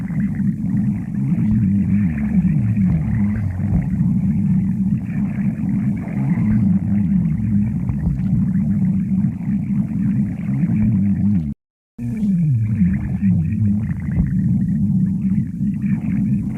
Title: Sticks the badger stomach growling 26